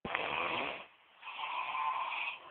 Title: naga snore